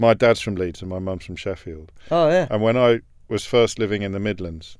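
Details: Adult man speaking; Typical speech.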